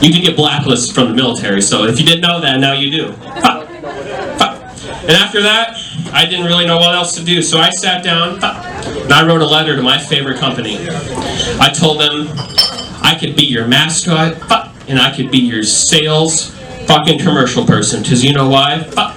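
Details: Adult male stand-up comedian with self-reported Tourette syndrome, including involuntary yelling of bad words and tic noises; live comedy set; vocal tics (Tourette syndrome).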